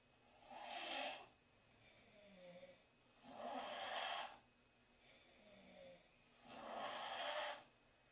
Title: 4 Girls Snoring